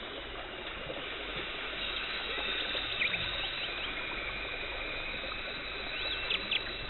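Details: Steady watery hiss with faint squeaks and clicks from an ultrasonic scaler and water spray as a dental hygienist removes tartar during routine teeth cleaning.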